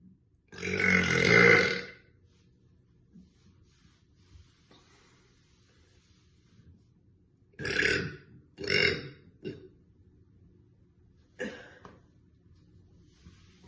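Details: Repeated burping by an adult woman: one long, loud voiced belch, then a few shorter belches.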